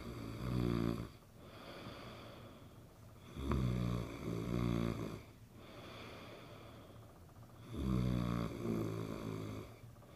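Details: A person snoring: loud, rough, fluttering snores on breathing in, repeating about every three to four seconds with quieter breaths between.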